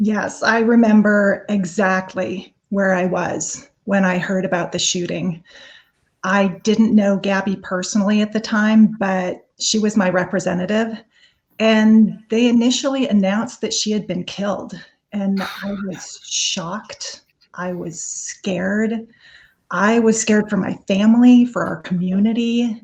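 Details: Adult woman speaking; normal speech.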